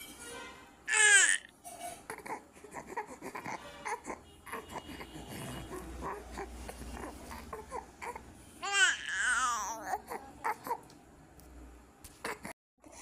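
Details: Two-day-old newborn bathed on an attendant's legs with baby soap and hot water; short bursts of crying and fussing with water and handling noise in a small room; ordinary newborn crying during a bath.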